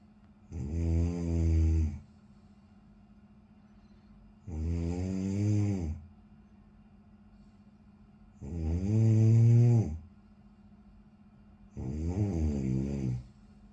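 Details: Snoring: loud, rumbling snores on each breath in, about four over fourteen seconds with quiet gaps between; ordinary snoring.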